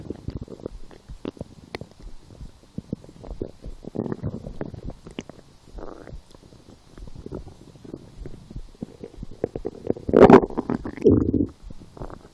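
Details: Soft irregular gurgles and rumbles swelling into a louder growl near the end, while lying down hungry after skipping breakfast, a small lunch and two doughnuts four hours later; borborygmi.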